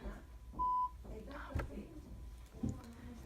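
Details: Audiometer pure-tone stimulus (1 kHz).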